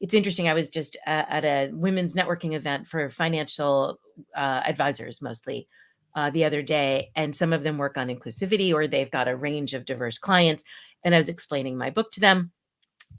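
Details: Adult woman speaking; normal speech.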